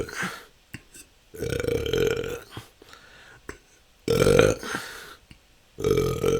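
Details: Person describing a years-long struggle with belching that can go on for hours, recorded as continuous natural burping: repeated loud, drawn-out burps in quick succession, several within seconds; excessive belching (eructation).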